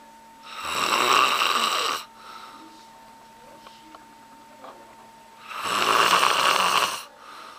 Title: Loud & Annoying Snoring